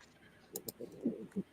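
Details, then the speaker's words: A sleeping pet snoring under a laptop: soft, low, piggy-like snuffling grunts. The snorer is a female pet, reportedly a cat, who twitches as she snores, and the snoring is harmless. "do you hear that weird little noise? That is That is the doc snoring again under the laptop. That's her. She's the one making the little piggy."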